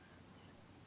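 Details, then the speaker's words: Expiratory wheeze in a child with a tight chest and past asthma, asked to breathe out forcefully through the mouth, before a nebulizer; a brief musical, whistling note on forced expiration after a moment of quiet. "Wheezy there aren't you so have a seat okay so what I'd like to do is give him the nebulizer okay and then I'll check him again"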